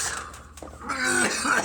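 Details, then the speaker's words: Short harsh cough and throat-clearing followed by a strained voiced breath, in a persistent coughing bout after a large bong hit of cannabis; cough after smoke inhalation. "it just won't stop it's not over oh God it's not over"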